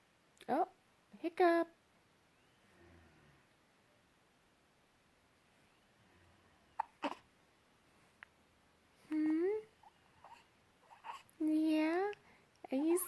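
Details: Infant hiccups: several brief, abrupt hiccups, each with a tiny voiced catch, then longer rising baby vocalizations in a quiet room.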